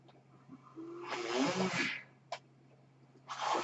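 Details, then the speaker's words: The speaker's own mechanical ventilator is audible behind his speech as he introduces a recorded podcast; mechanical ventilator breath cycle. "My name is. That noise here is my ventilator."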